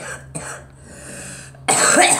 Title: Girl coughing